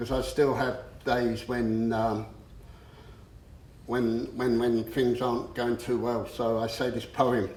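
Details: Stuttering in an adult man who has stammered since about age seven, after the shock of losing his parents; he still stammers on a few words.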